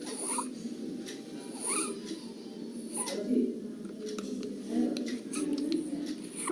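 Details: Child with laryngomalacia: noisy, low-pitched crowing inspiratory stridor on each breath in, over faint room noise.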